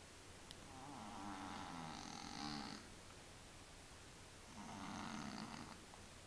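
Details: Cat in deep sleep: two soft, fluttering snores, a buzzing in-breath with a quiet pause between; snoring.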